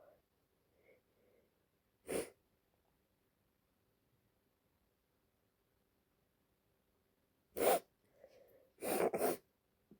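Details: Female with allergies, congested and a runny nose, at the end of a sneezing fit: three sharp sneezes, the last two close together, with quiet breathing between.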